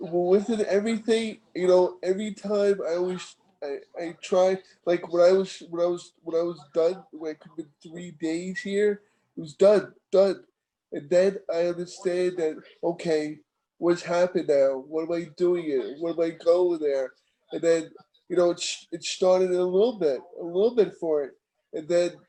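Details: Aphasia in a male stroke survivor about 15 years after his stroke, with ongoing communication difficulty and inability to write.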